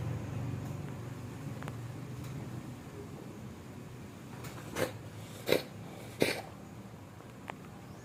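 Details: Cat coughing as if about to vomit: a few sharp hacking bursts over quiet room noise, a cough that sounds like retching.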